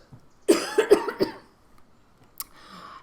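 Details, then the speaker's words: A run of four or five rapid, wet, productive coughs in an adult with bronchiectasis and NTM lung infection during airway clearance with nebulized saline and a flutter oscillating PEP device. "okay so i've coughed up just a little bit there and a bit more just little bits now probably wouldn't be any good for a sample unless you were really desperate"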